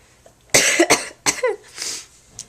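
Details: A short fit of two to three harsh, forceful coughs followed by a throat-clearing sound, from a teenager who is sick and home from school.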